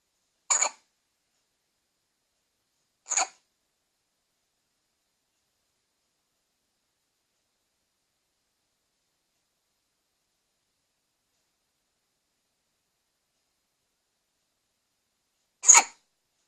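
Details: Three short, sharp, big bursts separated by long silences; hiccups.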